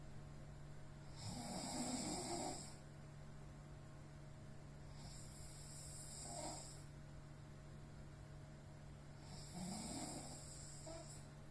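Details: Heavy snoring in an exhausted sleeper, likened to a mating cow: three loud, rough snoring breaths, each lasting over a second, over a steady low hum.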